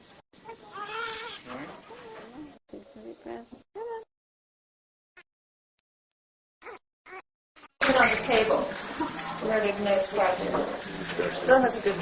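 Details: Short bursts of high-pitched crying after stimulation by flicking the sole or rubbing the back, then loud sustained crying over music; vigorous newborn cry during resuscitation, possibly a 32-week baby, with good heart rate.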